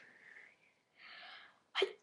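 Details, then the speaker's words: Deliberate attempts to sneeze on request; one participant says they are currently sick. Soft breathy intakes are followed by one brief, sharp sneeze burst, with repeated "Achoo!" vocalizations. "Achoo! Achoo! Achoo! So that's it, I guess. So that was us trying to sneeze."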